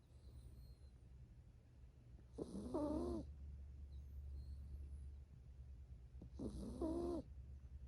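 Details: 7-year-old female toy poodle sleeping on an owner's lap: soft, rising nasal snores about every four seconds, roughly 15 breaths a minute, with birdsong outside; snoring.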